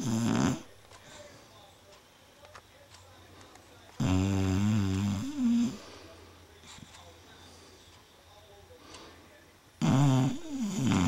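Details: Female, apparently dreaming while asleep: loud, rough, vibrating snores about every six seconds with quiet breathing between; snoring.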